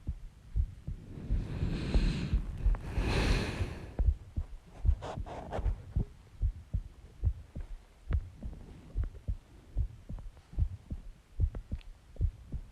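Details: Self-recorded ordinary heartbeat after eating eggs and ice cream and drinking Coke: soft low thumps at about 70 a minute after brief rustling and breath noise.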